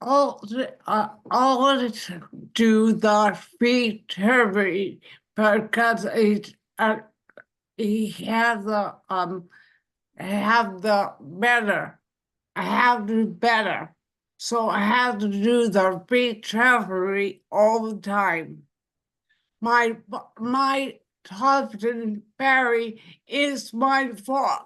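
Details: Adult woman with aphasia after a fall with head injury in April 2020 and a later stroke; can read but cannot speak well, with word-finding problems and garbled words; aphasia.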